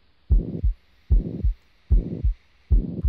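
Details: Heart sounds in an OSCE exam, patient rolled onto left side: regular beat at about 75 a minute with a blowing murmur filling the gap between the two heart sounds, a pansystolic murmur of mitral regurgitation.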